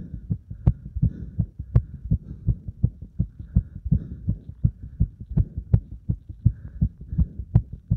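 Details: Heart sounds after burpees followed by deep squats: fast, regular, strong heartbeat thumps with a low background hum; rapid heartbeat after exercise.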